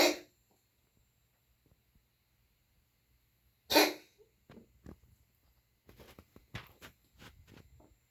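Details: Pet, likely a dog, gives two sharp, forceful coughs a few seconds apart, then softer, shorter coughs and small huffs; cough.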